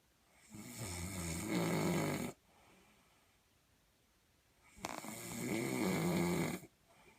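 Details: Two long, loud, rattling snores on inhalation separated by a quiet pause; ordinary heavy snoring.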